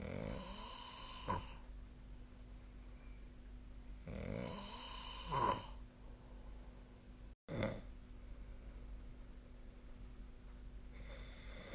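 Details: Sleep snoring recorded with the SnoreLab app: quiet, rough snoring breaths about every three to four seconds over a steady room hum.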